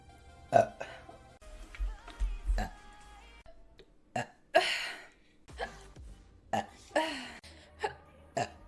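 A string of loud, low, croaking burps, some long and drawn out, with faint music in the background.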